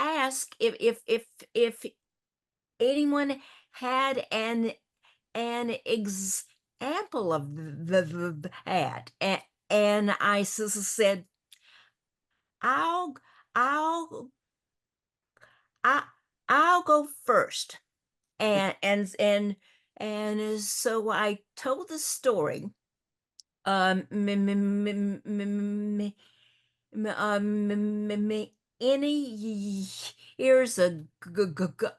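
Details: Woman who stutters, also with a paralyzed vocal cord; stuttering.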